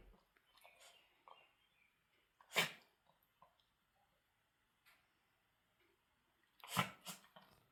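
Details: Dog sneezing: two sharp, explosive nasal bursts with small snorts and sniffs between them, in a quiet room; owner remarks it's a bad one and new.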